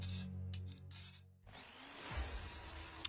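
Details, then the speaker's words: Dental drill on a child's cavity in a cartoon about not brushing before bed; high, steady whine rising in pitch as the drill spins up, over a low hum and background music. "The dreaded drill."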